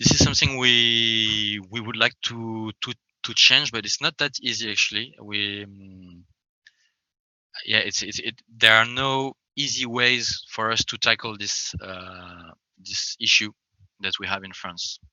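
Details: Adult French man who self-identifies as a person who stammers, speaking English; stuttering.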